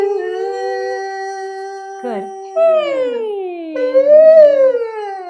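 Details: Male singer, recently sick, with the tongue out and a scope in, slides up in pitch and repeats it more slowly; exam found a tiny fullness on a vocal fold edge with full closure; pitch glide into falsetto during laryngoscopy.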